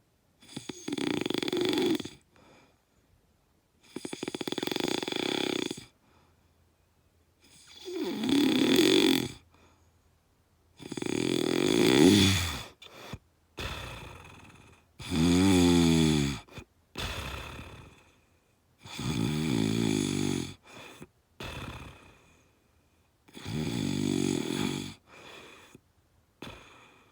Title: Loud Snoring pt.2